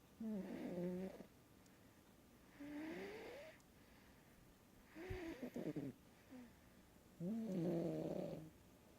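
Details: Four buzzy, rattling snores, each about a second long and a couple of seconds apart, with quiet gaps between them: snoring in a sleeping cat.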